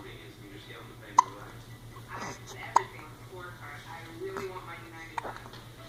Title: More hiccups